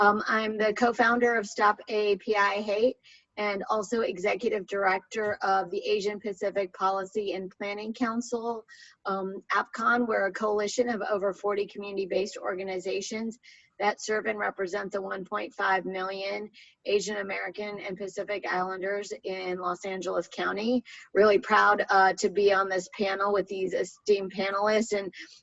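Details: Adult woman; normal speech.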